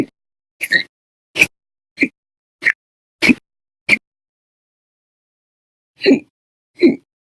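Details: Persistent, violent, loud hiccups, audio only, lasting 13 hours 34 minutes on one day, recurring for over 5 hours daily: eight sharp, loud, abrupt 'hic' sounds in quick succession, a brief pause, then two more.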